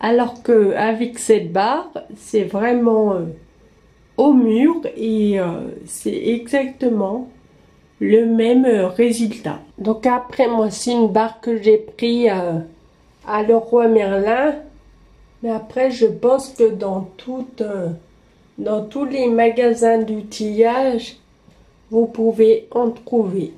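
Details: Ataxic dysarthria in a 27-year-old woman with Friedreich ataxia, a genetic neurodegenerative disease.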